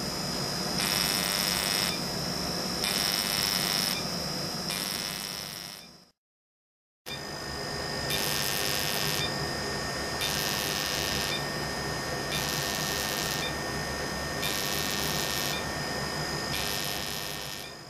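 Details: Regular bursts of high buzzing tone, about one per second, with short silent gaps: an Active FX fractional CO2 laser firing on a Filipino man's face during his second acne scar treatment, at slightly stronger settings; he reports no pain.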